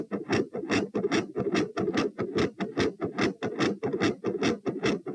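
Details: Heart sounds recorded at position P with the subject standing: rapid regular beat near 146 a minute, quiet S1 and loud S2, tachycardia.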